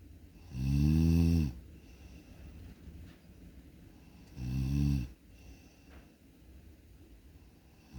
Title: snoring while sleeping|good or bad